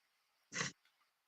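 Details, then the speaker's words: A dog snoring in the background while the owner talks during a live stream; the owner says the noise is the dog. "if you hear that noise it's my dog"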